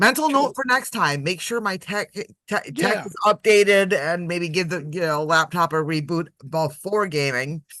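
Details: Adult speaker; normal voice.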